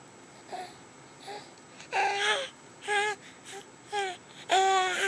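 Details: Baby girl recovering from bilateral vocal cord paralysis, with stridor, laryngomalacia and reflux slowly resolving, tube-fed via J-tube/MIC-KEY button; she began making sounds after a couple of months; infant vocalizations after bilateral vocal cord paralysis.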